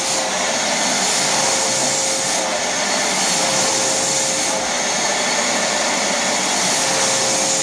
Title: Coronavirus DIY ventilator